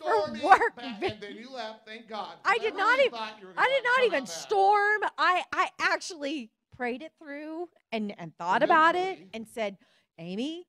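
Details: Adult woman; typical speech.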